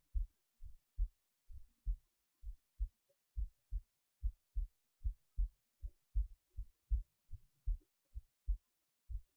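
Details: Heartbeat recorded late at night while resting in bed before sleep: steady paired low thumps at about 74 beats a minute; normal heartbeat.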